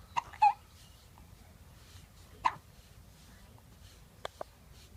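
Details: Several brief, abrupt voiced hiccups spaced a couple of seconds apart in a quiet room.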